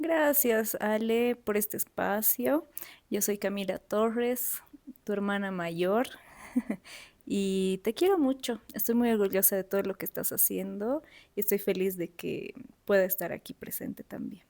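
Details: Adult woman speaking Spanish; Normal fluent speech.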